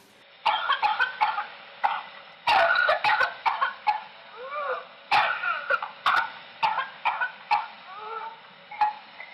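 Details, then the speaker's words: Child with whooping cough (pertussis): severe paroxysms of harsh, dry, barking coughs in rapid clusters, broken by strained, high-pitched wheezy breaths in as the child chokes and can barely exhale; described as a barking cough needing urgent hospital care. "Вот, друзья, вот такой кашель. Приступы тяжёлые. Ребёнок кашляет, ребёнок задыхается, и вы начинаете видеть просто, как он уже еле-еле выдыхает воздух, как он сипит и так далее."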